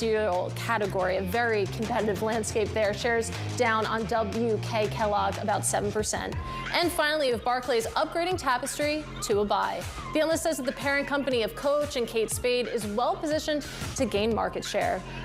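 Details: Adult woman speaking; normal speech.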